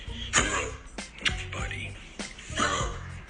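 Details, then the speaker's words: A dog gives a run of harsh, hoarse, honking, barking coughs, often accompanied by hacking up white foam; kennel cough, spread by nose-to-nose contact with other dogs, possible even in vaccinated dogs. "This is what it sounds like. That hoarse, barking cough, often it's accompanied by hacking up of white foam."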